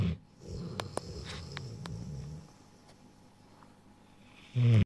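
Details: Rottweiler a little over 1 year old, asleep: low rumbling snore with a few clicks and a louder noise at the end; snoring.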